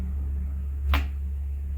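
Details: Single sharp joint cavitation crack during a chiropractic/osteopathic lumbar adjustment of a 22-year-old man with low back pain radiating down the leg (sciatica), worse on standing, with bulging discs, protrusions and lumbar compression.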